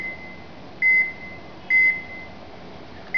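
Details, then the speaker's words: Short high beeps at about 68 a minute over faint room noise: a portable Cardiopad ECG monitor sounding with each detected heartbeat after electrodes are reattached to the patient's chest. "so if you connect again if you place again electrode on on the chest [Music] the device detect her activity and now you can hear a short"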